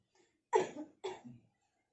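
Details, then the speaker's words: Nursing-student role-play of effective cough technique after deep-breathing exercises, patient asked to cough up phlegm three times: two short, forceful coughs in quick succession, each followed by a softer tail. "Sekarang Mbak lakukan batuk berdahak 3 kali ya Mbak."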